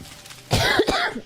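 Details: Girl coughing: a single short, harsh cough burst with faint room noise before it.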